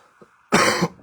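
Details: A single harsh, forceful cough burst of about a third of a second from an adult man who says he has lost his voice: cough.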